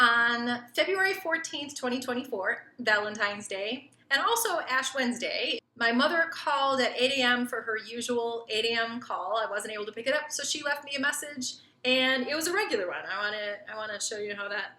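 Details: Adult woman narrating; fluent speech.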